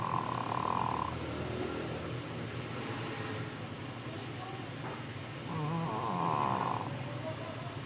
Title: Mammy is snoring